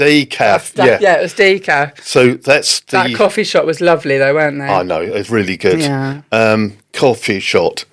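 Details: Adult woman speaking, possibly with a second voice replying; normal speech.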